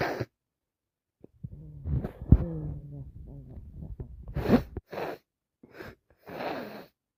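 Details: A run of sneezes with sharp bursts and catching breaths between them; repeated, can't-stop sneezing.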